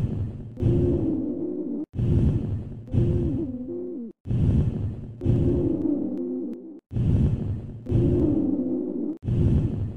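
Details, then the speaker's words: Rhonchi: continuous high-pitched musical wheezes heard during expiration, about 26 breaths a minute; expiratory wheeze. "Ronchi. Listen to the continuous high-pitched musical sounds heard during expiration."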